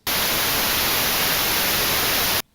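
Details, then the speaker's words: High-tone noise, one of five preset steady-noise tinnitus therapy signals on a Signia hearing aid: steady hiss weighted toward high pitches, ending abruptly. "सिग्निया के साथ, आप सफेद शोर, (स्थैतिक धुंधला) गुलाबी शोर, भाषण शोर, उच्च स्वर शोर,"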